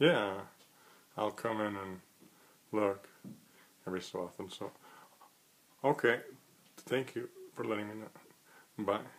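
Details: Adult who stutters, ending a real phone call to a pet store made as a daily challenge against phone fear; finds stuttering techniques hard to apply in real situations; stuttering.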